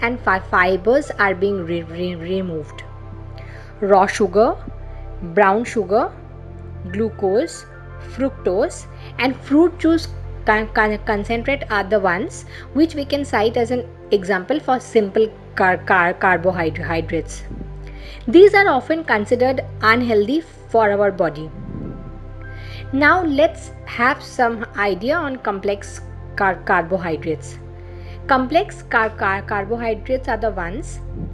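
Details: Stuttering in an adult woman who identifies as a stammering vlogger.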